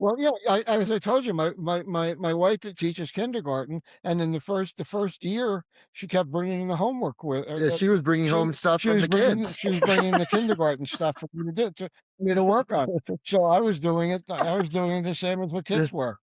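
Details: Man, stroke survivor about nine years into recovery with persisting word-finding difficulty, real speech with repeated words: aphasia after stroke.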